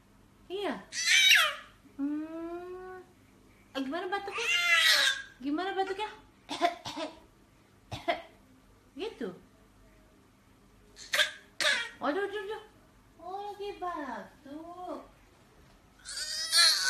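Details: Toddler boy playing alone makes several short, forced, breathy coughs mixed with whiny voiced sighs to seek attention: voluntary pretend (feigned) cough.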